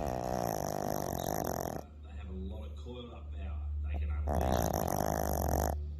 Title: Little Lucy Snores SO LOUD!